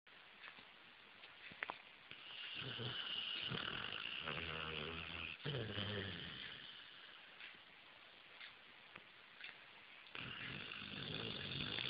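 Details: Sleeping pit bull: long rattling, snorting inhalations separated by quieter exhalations and pauses; loud snoring.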